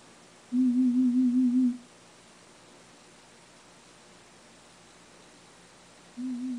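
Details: Steady pure tone pulsing briefly, then silence, then the tone again, in a quiet booth during the third hearing test of a cochlear implant user at a hospital ear unit; hearing had reached the speech banana.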